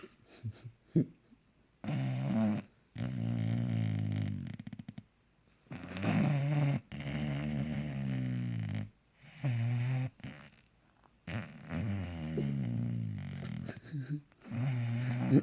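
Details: Bulldog, a flat-faced dog: loud, rattling, rhythmic snores on each breath, with low fluttering noise from the upper airway; loud snoring.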